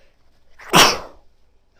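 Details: Woman sneezing into tissues, sneezes triggered by bobby pins: a single sharp, explosive sneeze with a brief breathy build-up, then quiet.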